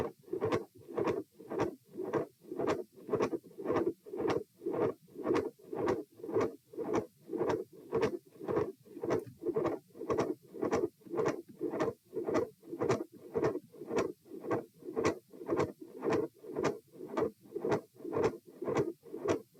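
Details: Heart auscultation stress test at position E, repeat test; heart rate 84, 96, 114 and 78 bpm across lying, sitting, standing and lying again. Midsystolic click and murmur with a fixed split S2.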